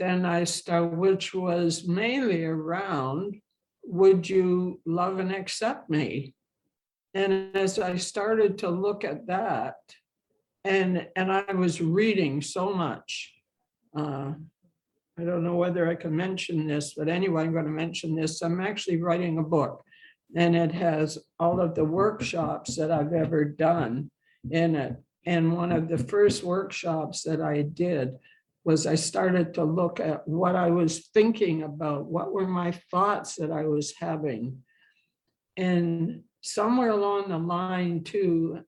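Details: Adult woman who has stuttered throughout her life and has had speech therapy and support-group experience, speaking in English; finding: stuttering.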